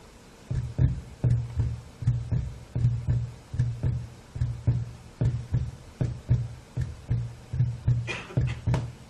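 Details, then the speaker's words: Signal-processed heart recording, regular low heart thumps about 80 a minute; the second heart sound is separated into two close parts, a split second heart sound. "may sound just the same to you but actually the second one you may be able to hear there's a more of a sound so there are two sounds at the at the second one"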